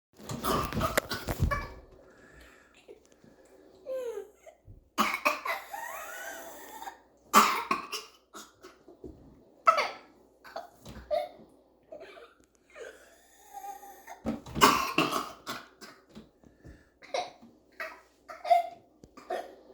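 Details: A young girl has a coughing fit on first waking up: repeated harsh coughs in bursts, with strained breaths and small vocal sounds between coughs.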